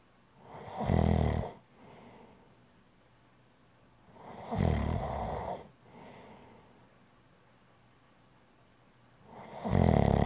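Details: ASMR relaxing snoring sounds: loud, rough snores on each breath in, each followed by a softer breath out, about every 4 seconds, roughly 15 breaths a minute.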